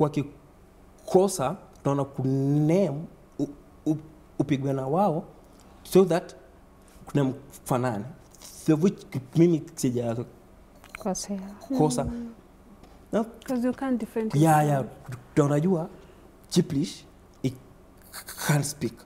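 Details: Man under 30 who stammers, reporting repetition, blocks, prolongation and added syllables; stuttering.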